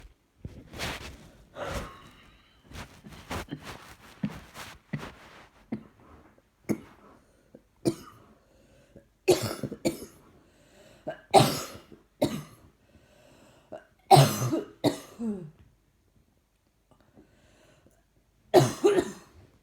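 Repeated bouts of short coughs and throat clearing, roughly a dozen bursts with pauses between; persistent coughing.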